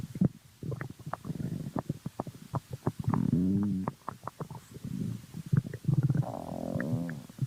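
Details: Person's stomach growling: bursts of low gurgles and popping clicks with long, whining rumbles.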